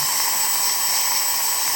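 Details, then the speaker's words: Continuous high-pitched high-speed dental drill whine: a 330 carbide bur removing old buccal and occlusal filling material during a female patient's crown preparation; decay was found beneath on both surfaces. "last thing I do is I'm going to go right over to my 330 Burr carbide here and I'm gonna remove all the old filling material she's got some stuff on her buckle I'm going to remove that I'm going to remove the occlusal"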